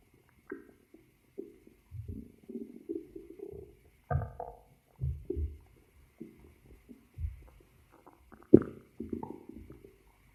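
Repeated short gurgles and low growls in a quiet room; ordinary stomach growling.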